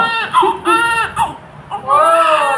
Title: Very Cute And Beautiful Baby Crying 👌💞||@newbornbabyshort